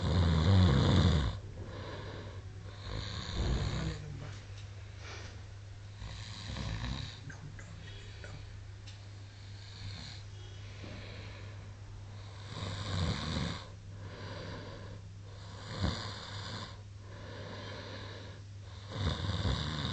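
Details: Loud, rough snoring from a sleeping adult man, recurring roughly every few seconds over a steady background hum.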